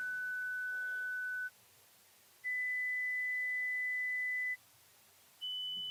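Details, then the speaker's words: Simulated tinnitus pitch matching through headphones worn by a volunteer: three steady pure tones, each higher than the last, played to match his tinnitus, described as more a pure tone than a hissing sound. "is it a hissing sound that's more of a just a pure tone so it's more more of this type yeah okay"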